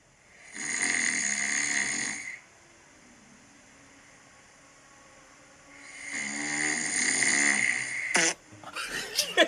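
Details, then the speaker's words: Adult with recent-onset loud snoring that keeps the partner awake, recorded asleep on the partner's phone. Two loud, harsh, honking snores come about five seconds apart, with quiet room noise between. "And I'm so embarrassed by this, but this is me snoring caught in the moment here."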